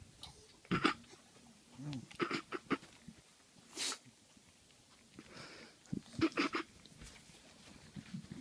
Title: dog sneeze